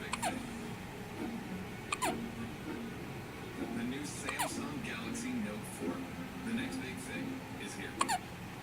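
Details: Hiccups in a baby boy, recurring: four brief, sharp hiccup sounds about two seconds apart, with soft baby vocal sounds and quiet room noise between.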